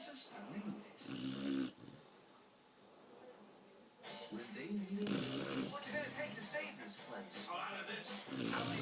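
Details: Chocolate Labrador asleep on owner's hand, snoring: uneven, rattling snores mixed with a movie playing on TV in the background.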